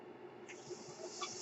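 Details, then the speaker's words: Mechanical ventilator running during a pause in the user's speech: a steady airy hiss that grows brighter partway through as air is delivered. "My name is, that noise you're hearing is my ventilator."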